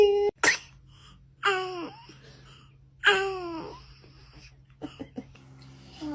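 Two sharp, voiced sneeze bursts a few seconds apart, each with a falling vocal tail, amid a quiet room hum: ordinary sneezing.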